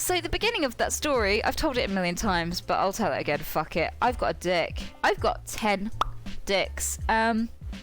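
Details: Involuntary vocal tics, including obscene words, in a woman with Tourette syndrome, produced mid-sentence while she tells a story.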